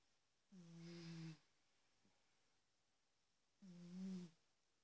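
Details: Smartphone recording of a big cat snoring: two soft, droning snores about three seconds apart on the in-breath, with quiet room noise between them.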